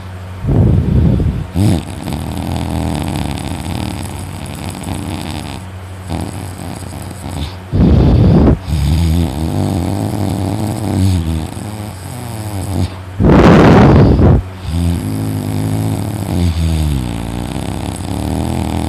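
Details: Brother sleeping in the morning, heavy snoring loud enough to hear from another room: loud, rough snores at about 11 irregular breaths a minute, with snorting bursts on each inhale.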